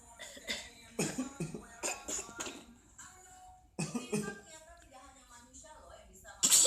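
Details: Baby coughing: a few short coughs and throat-clearing sounds, with adult voices and music in the background.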